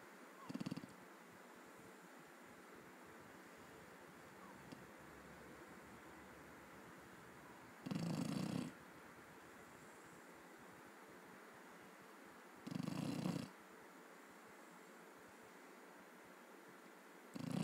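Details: Sleeping dog snoring heavily: soft, rough snores about every five seconds, roughly 12 a minute, with steady background hiss between them.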